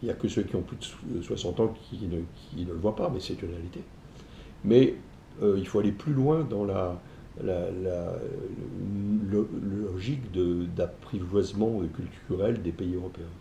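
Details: Stuttering in an adult man.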